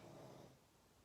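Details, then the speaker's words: A sleeping dog snoring rather loudly in the background: low, rumbling, rattly breaths that fade slightly toward the end. This is ordinary snoring. "hear that it's snoring in the background um rather loudly i might add"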